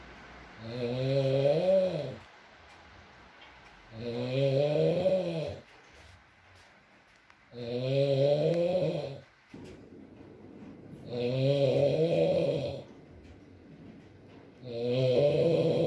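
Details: Adult man (boyfriend) snoring during sleep, with loud rattling inspiratory snores about 18 a minute, quiet pauses between and soft rain in the background.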